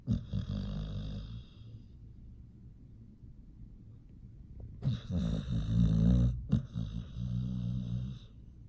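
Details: Sleeping pit bull: low, rattling snores with snorting breaths in and out in a steady rhythm; snoring.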